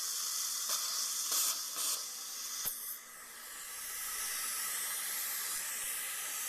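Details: Steady high hiss of a water-spray dental handpiece with brief bursts during flapless implant site preparation for a 13 mm implant replacing an extracted upper front tooth with a failed root canal in an adult woman.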